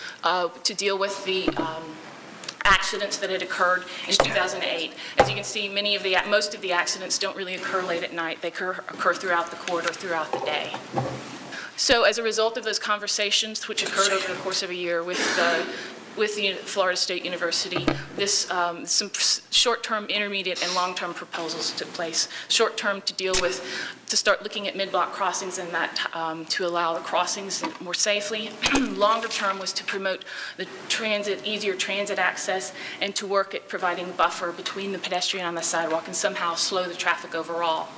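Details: Adult woman who states she has a vocal tremor, speaking at a public hearing; vocal tremor.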